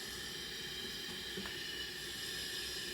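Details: Continuous steady hiss of oxygen flowing through a CPAP mask at about 12 litres a minute, in a demonstration of CPAP for congestive heart failure exacerbation or flash pulmonary edema.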